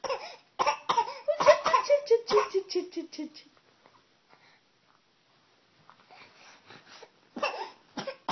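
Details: Child deliberately fake-coughing to get mother's attention: a run of short, forced coughs, a pause, then more coughs.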